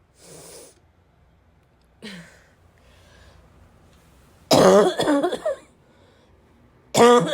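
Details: Self-recorded barking cough from a girl whose chest was wheezing: quiet breaths, then coughing that grew more intense until loud, harsh bursts with a barking quality from the chest.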